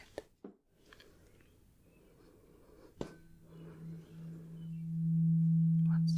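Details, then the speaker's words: Simulated medical exam (roleplay): a struck tuning fork gives a steady low pure hum that swells and holds, for a hearing test of whether it is heard on the left or right side. "I am just going to have you tell me whether you hear one of the tuning Forks on the left side or the right"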